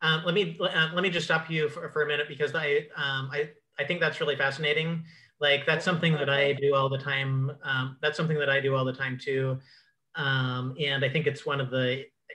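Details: Adult male who describes himself as a clutterer; repetitions and fillers heard; cluttering.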